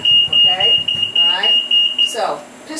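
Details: High-frequency oscillator ventilator alarm (low mean airway pressure).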